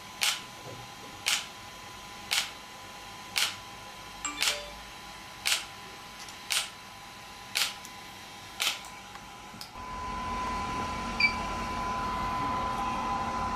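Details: Sharp, regular clicking pulses about one per second, about nine in all, then a steady hum: an extracorporeal shock wave therapy (ESWT) device firing, demonstrated for muscle and bone pain relief.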